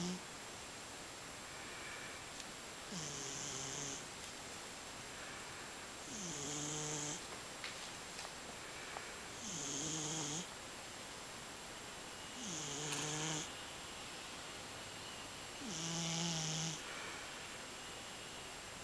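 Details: Scottish Fold cat snoring steadily while asleep, six buzzing, whistly breaths at about 19 per minute.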